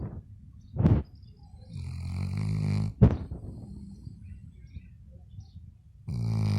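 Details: Snoring of Elsa, a Labrador dog.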